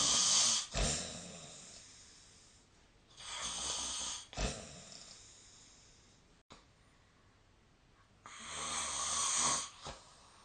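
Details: Sleep snoring: three long hissing, rasping snores, each ending in a sharp puff, roughly every four seconds, with quiet pauses between.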